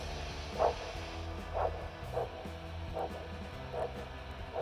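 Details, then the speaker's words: Handheld Doppler with gel over the posterior tibial artery during an ankle brachial index test with a blood pressure cuff: rhythmic whooshing arterial pulse bursts, about 70 a minute, over a steady hum and faint music. "that we have located the posterior tibial signal we're going to inflate our blood pressure cuff until we no longer can hear the signal and then we're going to gradually release the blood pressure cuff until the signal returns"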